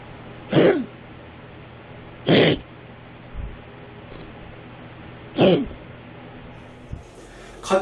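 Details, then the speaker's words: Cat with feline asthma: three short, dry hacking coughs over several seconds, often mistaken for vomiting or retching up a hairball; cough. "가장 일반적으로 구토 혹은 테러를 호외 하는것과 임상 모습을 보이는 기침을 나타냅니다"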